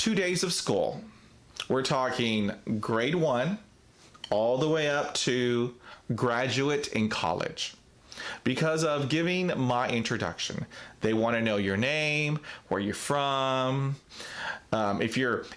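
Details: Real stuttering in an adult man who describes himself as a person who stutters, talking about a difficult speaking situation.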